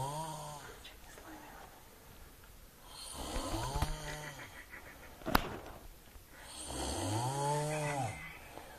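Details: Dog asleep on a bed snoring very loudly: deep rattling snores, each lasting a couple of seconds, about 17 a minute, with faint clicks in the room.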